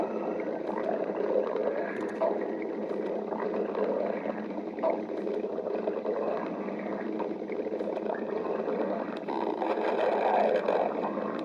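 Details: A badger's continuous low rumbling and gurgling with rolling bubbling bursts, typical of normal stomach growling (borborygmi) from gas and fluid moving through the gut.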